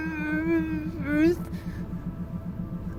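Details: Woman recorded during a severe attack about an hour after eating. Mouth and tongue were numb, with whole-body paralysis-like symptoms and nausea. She attributes it to functional generalized dystonia and sensory issues. Finding: unintelligible vocalization (inability to form words).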